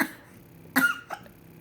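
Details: Baby with hiccups: two abrupt, brief voiced throat bursts, the second softer, fitting hiccups rather than a cough.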